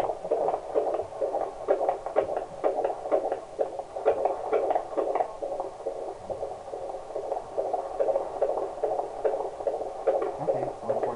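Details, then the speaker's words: Fast, steady whooshing Doppler fetal heartbeat, about 145 beats a minute, described as normal, at 31 weeks pregnant, with 20 minutes of monitoring to follow. "45 normal heartbeat perfect don't monitor you for 20 minutes over there they gotta get the whole pattern make sure everything looks good"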